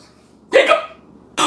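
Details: A sudden voiced gulp trailing off, then a second sharp onset at the end, during a severe bout of hiccups; hiccups.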